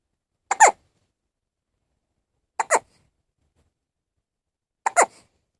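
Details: Three short, sharp hiccups a little over two seconds apart, each a quick double catch, with silence between; hiccups.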